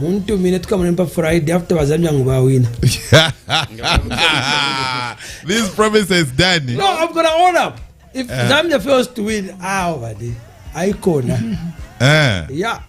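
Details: Adult male speaker; typical voice.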